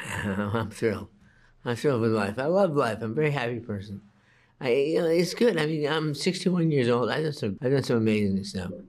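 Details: 61-year-old man diagnosed with Parkinson's disease at age 29, speaking in a TV interview; hypokinetic dysarthria (Parkinson's disease speech).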